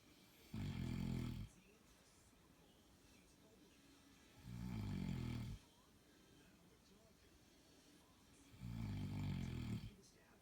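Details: An adult man snores with three low, rumbling snores on breathing in, about four seconds apart (roughly 15 breaths a minute), with quiet room noise between them.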